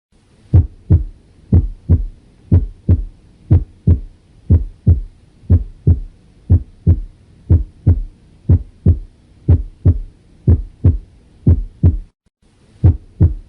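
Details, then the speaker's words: First heart sound (S1), auscultated with the stethoscope diaphragm and loudest at the mitral and tricuspid areas: a steady lub-dub heartbeat near 60 beats a minute, with a crisp first sound opening each beat. "buenos días escucharemos el primer ruido cardíaco el cual se oculta con el diafragma del estetoscopio y tiene mayor intensidad en el foco mitral y foco tribus vídeo"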